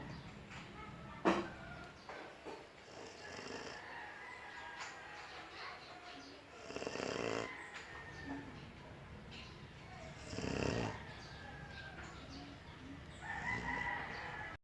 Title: Snoring Bullmastiff